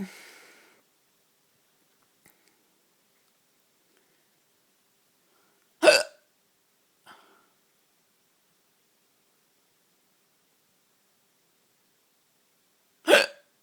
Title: Hiccups at night